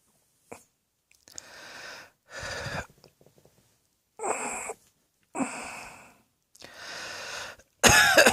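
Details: A run of about six harsh, rattly, drawn-out coughs with short gaps, from a person lying on a bed with belly heaving; ongoing cough.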